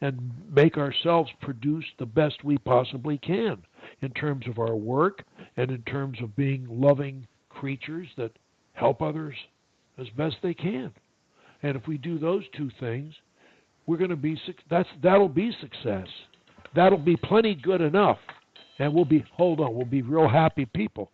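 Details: Adult male; normal speech.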